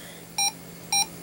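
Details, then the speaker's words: Homemade electrocardiograph wired to the maker's own chest: a speaker beeps once per heartbeat, two short beeps about 0.55 s apart, about 110 beats per minute while he talks and feels stressed. "Ensuite, j'ai un haut-parleur qui fait un bruit à chaque fois que mon coeur bat. Même chose pour la diode qui s'allume lorsqu'il y a un battement."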